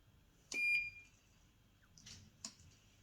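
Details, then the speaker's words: Single sharp electronic beep in a quiet hospital room, then faint rustling; IV infusion pump alarming beside a patient less than 24 hours after large bowel removal for bowel cancer. "I'm not sure why that's beeping."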